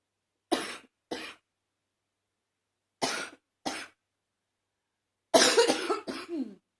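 Two pairs of short coughs, then a longer rattly cough with a throaty, wet-sounding tail; a mildly congested cough in an adult.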